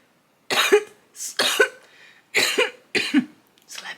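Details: Adult makeup vlogger coughing after taking a hit of smoke (420/cannabis content) between makeup steps: a run of about five harsh, explosive coughs in quick succession with gasping between them; irritant cough after inhaling smoke.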